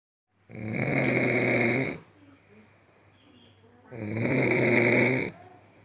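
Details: Two long, loud, buzzing snores about three and a half seconds apart, with quiet pauses between: very loud snoring.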